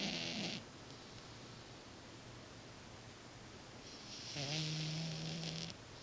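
Two rough, noisy breathing sounds with a buzzing tone, separated by a quiet pause, in a sleeping cat: snoring.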